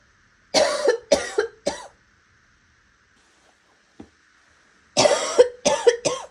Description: Ranging from raspy to hoarse to wet with a few hints of barking.